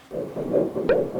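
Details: Early-pregnancy ultrasound, embryo 1.3 cm: fast, rhythmic whooshing fetal heartbeat, measured at 153 beats a minute and described as normal.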